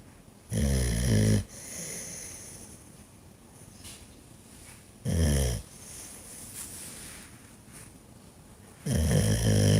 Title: Dog Snoring loud when sleeping